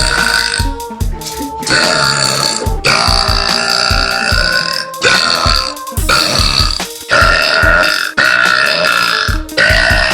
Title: Girl Burps